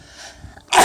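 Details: A father's sneeze recorded on his baby's day 198: brief quiet lead-in, then a sudden loud hissing burst of air cut off mid-release.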